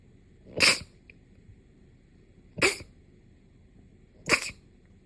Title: sneeze 147